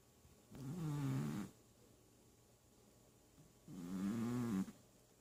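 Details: Two low, fluttering, rattly snores from a sleeping male cat known for wheezy breathing, each about a second long with quiet pauses between: snoring.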